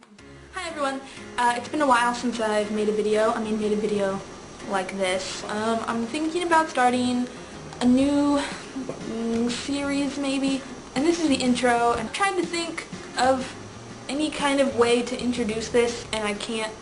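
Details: Girl who has stuttered since childhood, and it affects her conversation; stuttering.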